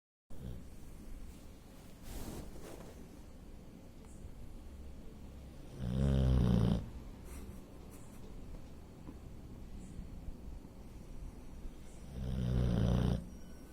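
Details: Boxer dog that snores all the time while sleeping: loud, rattling, low snores about six seconds apart, roughly ten breaths a minute, with room noise in between; snoring.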